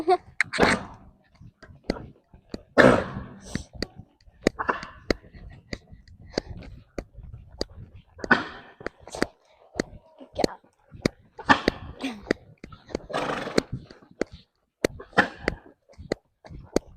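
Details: Repeated short, harsh coughs from a small horse, brought on by dust kicked up from a riding-school arena floor during warm-up; dust-induced cough, described as otherwise fine.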